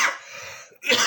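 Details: Two sharp, dry-sounding cough bursts separated by a short breath in.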